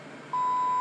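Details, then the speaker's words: Steady high-pitched alarm tone from a Sigma Spectrum single-channel IV pump signalling a downstream occlusion in the tubing, caused by a closed roller clamp; infusion pump occlusion alarm. "there's a problem so it's asking about a downstream occlusion so with any other pump you hit the silence button and then troubleshoot your tubing"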